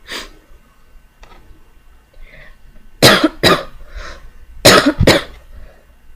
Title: cough-ty cough cough